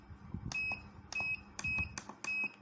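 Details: Five short, high electronic beeps at a steady pace. This is the start signal of a high-power deep-tissue laser physiotherapy machine used for back pain.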